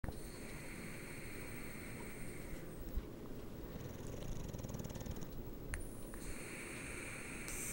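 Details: Pet sleeping upside down on a bed, snoring: steady low rumbling breathing close to a purr, possibly a cat, with faint room noise.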